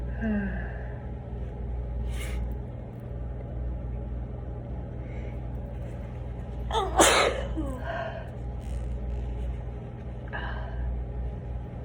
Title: Tissue sneezes